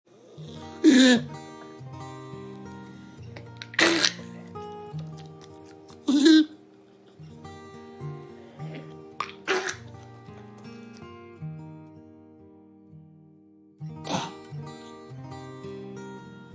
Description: "KENNEL COUGH" is a layman's term for a respiratory infection (tracheobronchitis/ ITB).